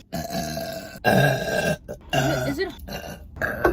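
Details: Compilation of several long, loud, voiced belches in a row with brief pauses between: repeated burping.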